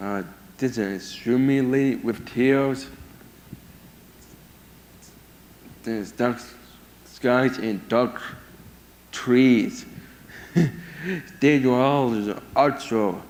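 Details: 22-year-old man with severe autism who lost language at about 15 months, had years of speech therapy and says only a few sentences a day; mother warns most is hard to understand; speech impairment in severe autism.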